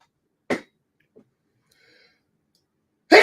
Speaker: Oh. What a nasty sneeze.